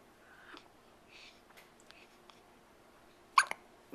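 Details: A baby having hiccups at night, whole body moving, filmed on a Flip Video camcorder: faint breathy sounds then one sharp, sudden hiccup in a quiet room.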